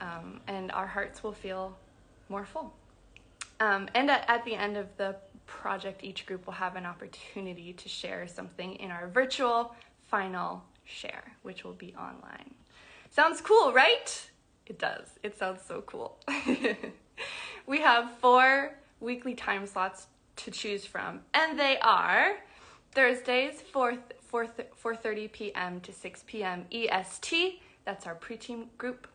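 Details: Adult woman who describes herself as a person who stutters, speaking spontaneously; stuttering.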